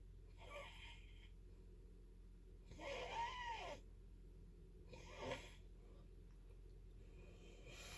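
Faint, rough snoring breaths with a slight whistling edge in a quiet dark room, roughly every 2 seconds.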